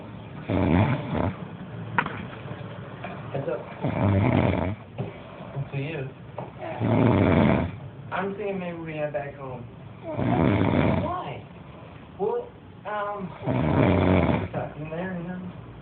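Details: Loud, rough snoring, about one snore every 3 seconds, with a few gasping, gurgling breaths between snores; snoring.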